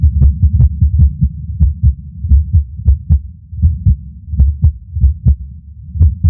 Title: Irregular Skipping Heartbeat #12